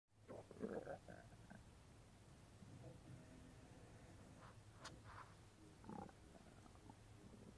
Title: stomach making noises cuz I j ate grapes